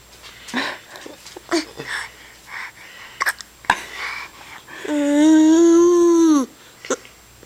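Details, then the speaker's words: Sharp, abrupt catches of breath repeat several times among babbling and soft laughter, followed by a long vocal sound; hiccups. "um hey you better get rid of those before better"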